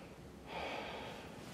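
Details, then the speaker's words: Chest auscultation in a COPD OSCE, patient breathing deeply in and out through the mouth: smooth vesicular airflow, no prolonged expiration, wheeze or crackles; auscultation normal, normal breathing. "other things you can hear is it should be vascular which it was it might have a prolonged expiration his did not"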